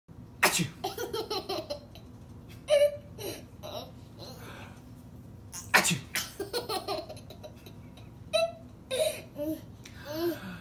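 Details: Two loud adult sneezes from a dad, each followed by a baby's giggling laughter; sneezing.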